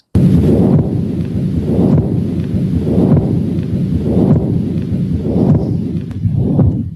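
A rumbling murmur that never stops, swelling with each beat at about 50 a minute: the continuous machinery murmur of patent ductus arteriosus.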